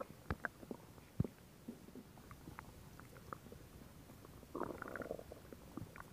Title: Stomach Sound [Stomach Growling][ASMR] [2022-07-14]